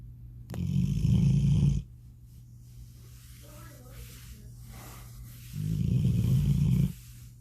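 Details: Snoring: two low, buzzing, rumbling breaths several seconds apart, with quiet stretches between them.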